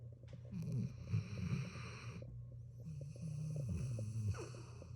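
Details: Dog snoring loudly while sleeping with one eye open: low, rattling snores, about two long breaths in a few seconds, over a steady background hiss.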